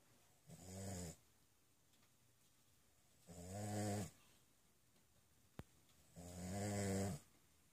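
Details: Sleeping dog snoring: three slow, rumbling snores about three seconds apart, each a low buzzing rattle with a hissy edge, over quiet room hush.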